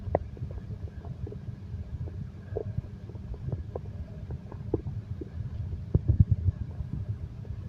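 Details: Bowel sounds (stomach growling) from a relaxation recording that combines heartbeat and stomach growl sounds: low rumbling gurgles with short bubbling pops from moving gas and fluid.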